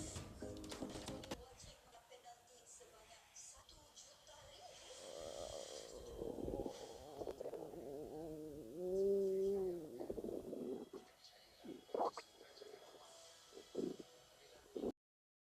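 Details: Stomach growling (borborygmi): bubbling, gurgling rumbles with a drawn-out tonal groan.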